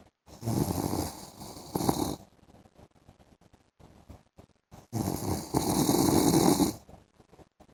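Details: Adult man, a husband, snoring during an afternoon sleep: two loud, rough, rattling snores on the in-breath, separated by a quiet pause.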